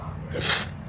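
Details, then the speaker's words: Adult who says they are sick: a single sharp, hissing sneeze with a brief indrawn breath before it. "I'm really kind of worried excuse me y'all I'm really kind of worried about myself"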